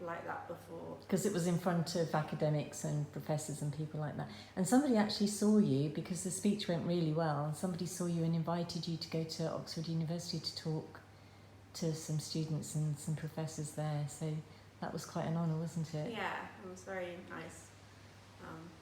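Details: Adult woman speaking; normal speech.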